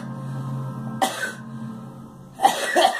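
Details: Girl coughing: two short coughs, the second a double burst, over a steady background hum.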